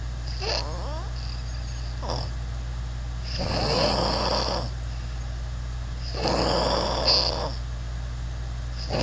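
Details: Human snoring with many varied sounds: loud rattling snores alternating with hissing breaths, repeating every few seconds over a steady hum; heavy snoring.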